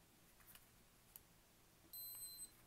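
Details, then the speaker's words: Metene TD-4116 blood glucose meter during date and time setup after inserting a AAA battery: a faint click, then a single clear, high-pitched electronic beep lasting about half a second as the set button is held. "it beeps and then the first option is the year"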